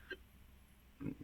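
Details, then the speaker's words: Adult gives two abrupt, brief throaty gulps about a second apart while talking; hiccups. "Hiccups, apologies."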